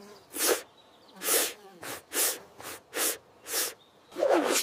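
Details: A simulated sneeze by an animated cartoon bear in a children's video: a rapid run of about seven short, breathy, sneeze-like bursts.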